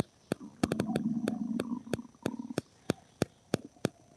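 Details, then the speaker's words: An adult's loud stomach growling (borborygmi) while painting before breakfast. "That was my stomach growling. I hope somebody's making breakfast."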